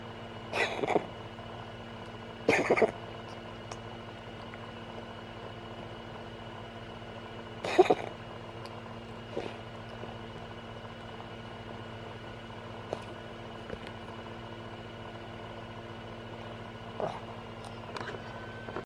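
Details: Cat with a mild chesty cough: a few short, harsh coughing bursts with a moist quality over steady room hum.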